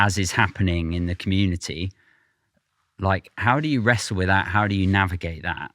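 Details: Adult male speaker; typical speech.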